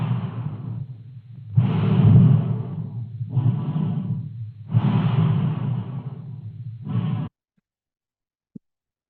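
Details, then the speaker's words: Normal breath sounds from a simulated dog (black Labrador K9 vet trainer): soft, low, rushing breath sounds in a steady rhythm. "all right then we also have breathing so if I would go into the breathing and you can then look okay where do I need to be placing my stethoscope for the breathing and this is just the sound of the normal breathing for the [Music]"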